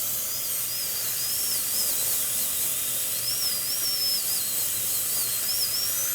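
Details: Steady shrill whine of a dental high-speed handpiece over loud water-spray and suction hiss, during final preparation of four upper-right teeth at once for crowns.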